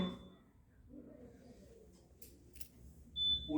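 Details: Non-invasive ventilation (NIV) ventilator with a mask circuit running its alarm self-test: brief shrill high-pitched beeps at the start and end, with quiet room noise between.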